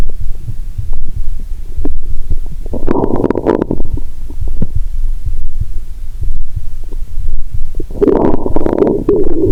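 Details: Stethoscope on the abdomen of a person lying down after drinking cola with swallowed Mentos, heartbeat also audible: bowel sounds.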